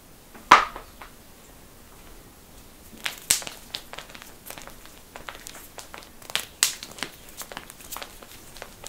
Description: Satisfying Bone Cracking Compilation! Loud Popping Knuckles, Necks, Toes, Backs, Wrists, Ankles, and More!